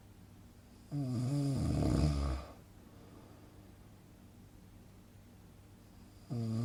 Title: Relaxing snoring sound effect - Good for Sleeping